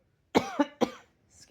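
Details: Three hoarse, voiced coughs in quick succession.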